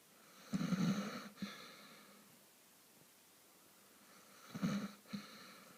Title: Snoring his head off...lol